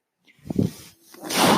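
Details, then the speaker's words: Breathing cycle of the speaker's own mechanical ventilator, which he points out while talking at the start of a podcast recording; real ventilator sound. "hello everyone my name is that noise earring is my ventilator"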